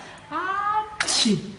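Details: Young boy posing for a photo sneezes on his father's request: a rising 'ah' intake, then a sharp hissing burst.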